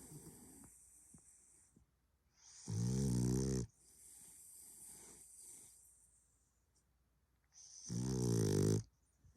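Two loud, rough snoring breaths in with softer noisy breathing between, typical snoring of a flat-faced dog.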